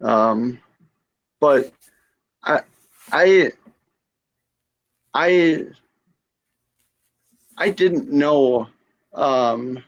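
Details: Female stroke survivor with aphasia after her stroke.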